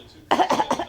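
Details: Young child imitating mother's cough: a short burst of three quick coughs.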